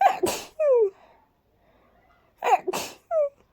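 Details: Sneezing after about 20 minutes of cleaning and dusting: two breathy sneezes, each a sharp intake and airy burst followed by a short falling voiced tail.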